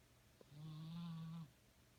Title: Angel snoring on the windowsill in LB